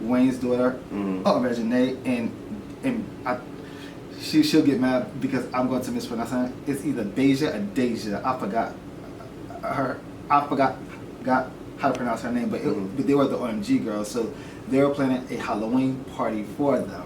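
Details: Adult man who says he stutters and at first did not want to show it on camera but later chose to turn it into a positive; stuttering.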